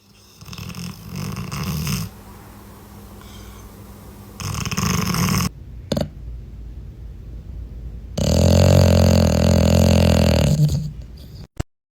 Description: Funny moments of dogs snoring🤣